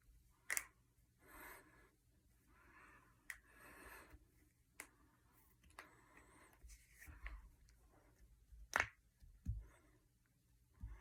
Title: Cracking my knuckles and fingers.